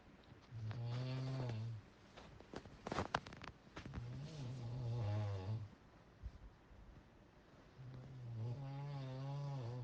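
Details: Heavy snoring: loud, rough, rattling breaths repeating with each breath, with a vibrating buzz on inhalation.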